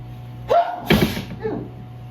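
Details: Allergic sneezing from ragweed-filled evening air after allergy medication wore off: two forceful, explosive sneezes, each with a quick intake before it, then a softer trailing breath.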